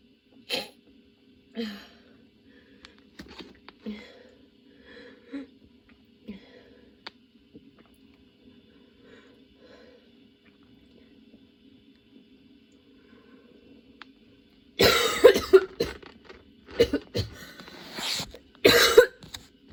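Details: Sudden-onset prolonged coughing fit: soft scattered coughs, then a loud run of repeated harsh coughs; nonstop, worsening, bringing tears, patient changing positions for comfort; lungs having a tough time.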